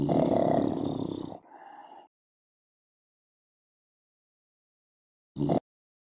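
A loud rough snort followed by a softer tail, then silence and one brief burst; a noisy snorting breath.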